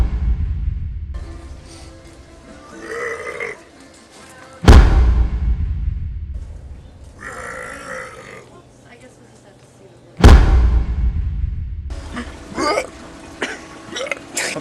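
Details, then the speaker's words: Two loud, deep, rumbling belches made deliberately as a prank near shoppers in a store, over background music and chatter; burping. "so we went to Walmart it actually really surprised me how many people just wouldn't react they didn't even move when I walked by and burped"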